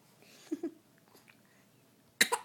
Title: Baby hiccup